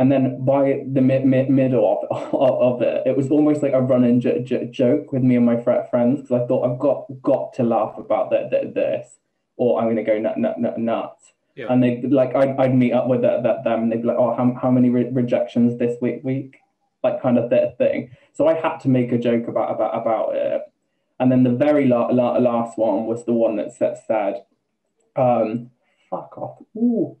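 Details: Man, 28, with Tourette's for just over two years, onset after health issues and a string of seizures; vocal tics with involuntary swearing (coprolalia) and repeated words, plus a new stammer where sometimes no sound comes out; vocal tics with stuttering (Tourette syndrome).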